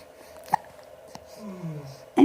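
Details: Infant hiccups while blowing bubbles, fist in mouth and kicking: brief, sharp hiccups, about three in two seconds, with soft vocal sounds between them.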